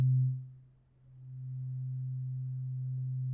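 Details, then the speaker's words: Simulated, non-professional ENT hearing check for muffled, cotton-like ear fullness attributed to a blocked ear tube from nasal swelling: a pure, low, steady tuning fork tone that fades then swells, brought from far to near the ear. "โอเคฉันจะเพิ่มระดับเสียงของส้อมเสียงฟังอย่างตั้งใจมีความรู้สึกเหมือนมีไดอะแฟรมตรงนี้ไหม?"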